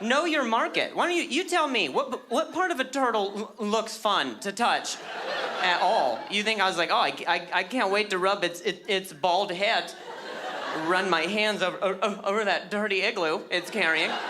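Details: Adult male with stuttering that began at age 20 after a softball struck his throat, causing a minor vocal contusion and a major concussion later diagnosed as traumatic brain injury; audible word repetitions; stuttering.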